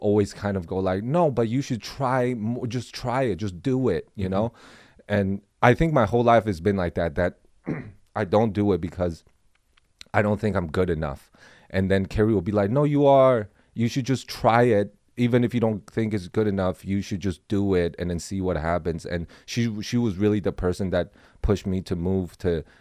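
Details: Adult male speaker; Normal conversational speech.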